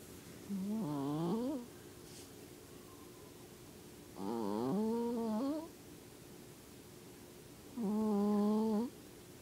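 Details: A sleeping cat snoring: three soft, humming, whistly breaths about four seconds apart, roughly 17 breaths a minute.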